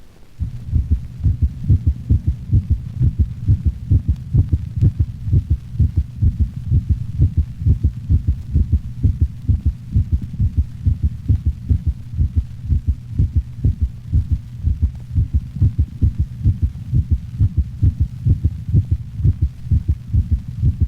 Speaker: asynchronous closure of the left and right atrioventricular valves may produce a first heart sound that is split into two audible components this occurs normally in the larger breeds of dogs note the low frequency split first heart sound of a normal large dog